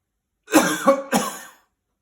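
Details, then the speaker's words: Demonstrated airway-clearance technique for chest infection or COPD: a deep breath held for 2–3 seconds, then two forceful, dry coughs without the rattle of mucus. "I take a deep breath in I'm going to hold it for 2 or 3 seconds and then I'm going to cough you might cough 2 or 3 times to help clear your lungs so like this"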